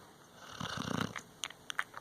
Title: Snoring dog